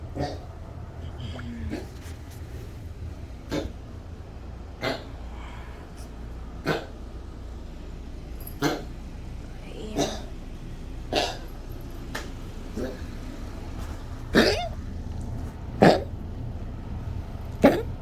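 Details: Yorkie with rapidly worsening collapsing trachea in a bad 3 a.m. coughing fit, now happening often: about a dozen harsh, goose-like honking coughs over 18 seconds.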